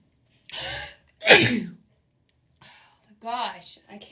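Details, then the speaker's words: Two forceful sneezes in quick succession, each with a sharp intake before it, then brief gasping breaths, induced during a Covid self nose-swab test; sneezing. "take the test i can't stop sneezing i literally can't see right now"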